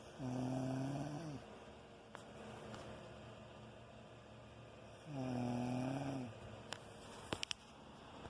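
Two loud, rumbling snores about five seconds apart, with a few faint clicks in between: ordinary heavy snoring.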